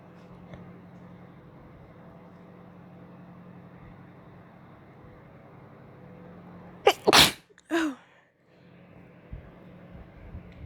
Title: Sneezes, blowing, and false starts